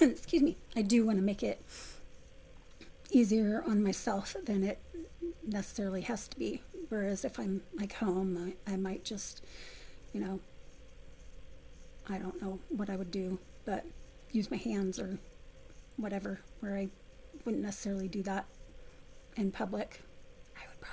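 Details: Adult woman with essential tremor since childhood, affecting her vocal cords for about 3–4 years, before focused ultrasound treatment; a voice-loss-causing medication had left her near-whisper, substantially better after stopping; essential voice tremor.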